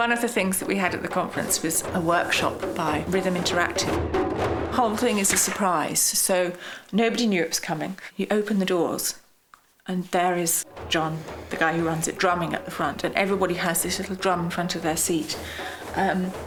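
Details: Adult narrator; typical speech.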